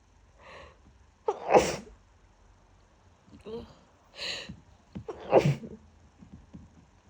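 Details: Person with a bad autumn head cold: two rapid sneezes in quick succession, each preceded by a sharp inward breath, with a congested, wet, snotty quality; sneezing.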